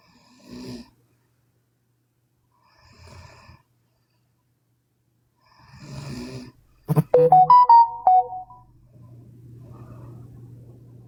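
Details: Three rough snoring breaths a few seconds apart from a sleeping Chinese woman, then a short burst of electronic tune and a steady hum; snoring.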